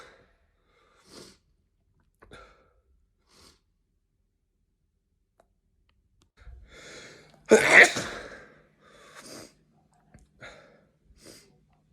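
Quick catching inhalations build to one loud, explosive sneeze, followed by a few softer breaths.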